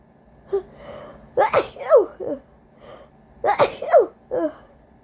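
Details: Person with a cold, very congested, sneezes deliberately induced: two sneezes, each led by sharp catching inhalations and ending in a forceful burst; congested sneezing.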